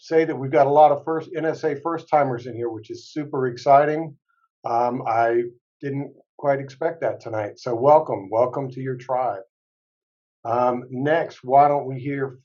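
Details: Adult man speaking; ordinary speech.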